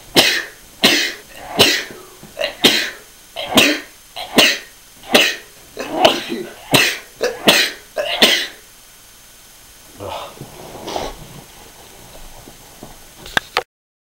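A run of about a dozen sharp, dry coughs in quick succession, then quieter throat sounds; a repetitive coughing bout.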